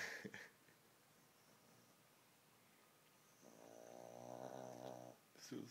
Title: Mini snoring